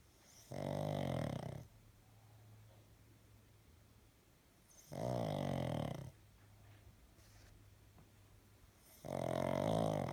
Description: Eric the pug snores loudly